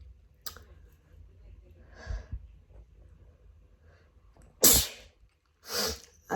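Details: Two loud explosive sneezes after quiet breathing and sniffs, in a sneezing fit right after an outdoor walk, attributed to grass/flower pollen, uncovered; leaves the person feeling lightheaded.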